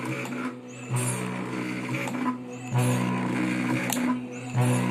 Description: This automated, low-cost Ambu bag device was used as a life support solution for a few hours during the Covid19 outbreak.